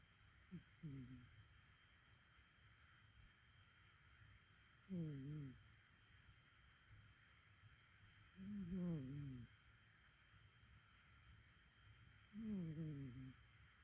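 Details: Sleeping cat snoring: short, low, whistly snores about every four seconds, roughly 16 a minute.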